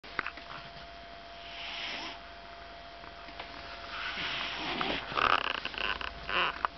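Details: Sleeping female dog snoring soon after falling asleep; owner notes she snores louder than recorded: snoring.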